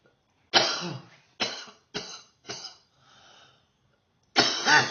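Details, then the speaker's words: Woman's self-recorded coughing fit first thing in the morning, which she says is bad this morning: four harsh, forceful coughs, then a quiet breath and one more loud cough. "Cough's bad this morning. Oh. Oh. This is first thing in the morning, by the way."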